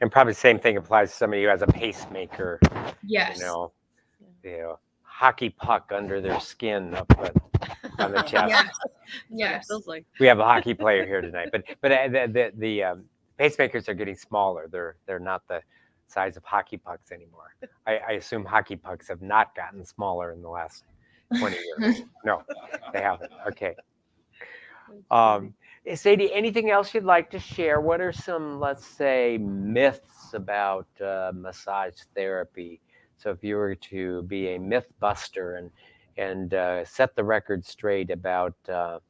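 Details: Adult conversational speech, possibly two speakers; normal speech.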